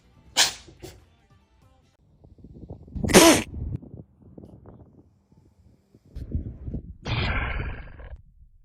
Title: Animal Sneezes Never Get Old 🤧🐾